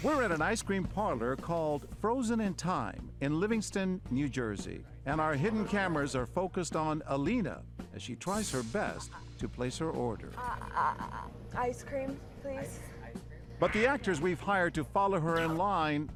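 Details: Adult male narrator; normal speech.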